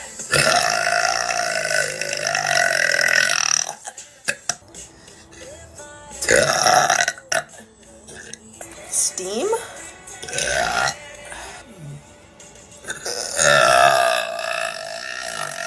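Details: Girl belching during a live stream: several long, loud, drawn-out burps with talk and music in between; voluntary belching.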